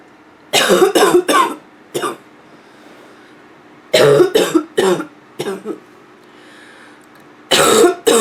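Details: Female with nonstop barking cough: repeated harsh coughs in bursts of two to four with brief pauses, about eleven coughs in eight seconds.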